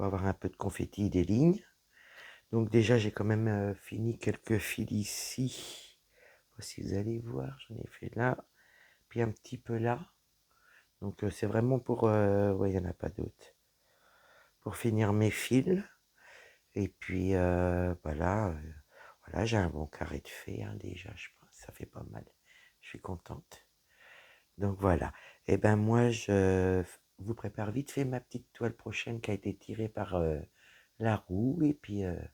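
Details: Woman whose vocal cords were damaged by a serious health problem; voice deeper than before, at times little voice, unable to speak loudly; dysphonia from vocal fold damage.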